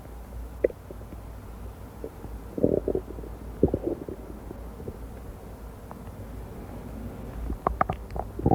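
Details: Amplified recording of an abdomen: gurgles and brief bubbly rumbles over a low steady hum, ordinary stomach rumbling (bowel sounds).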